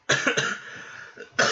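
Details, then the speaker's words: A sick adult gives several short, harsh coughs in quick succession, then after a pause one more cough burst, in a small room. "Excuse me, I'm so sick, so you can hear coughing and sniffling from time to time, so I do apologize."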